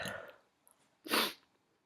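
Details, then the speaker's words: Simulated scenario, a woman acting as a CEO addressing a meeting: trailing speech, a short pause, then one loud, sharp acted sneeze, which she attributes to allergies from flowers in the room. "I'm sorry. Please excuse me. That might happen every once in a while. Uh, this conference room is fantastic. However, those flowers at the that are adorning the room are um not great for my allergies."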